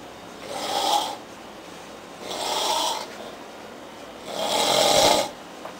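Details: Adult man snoring loudly while passed out on a couch around 4:30 a.m. after a long day of heavy drinking.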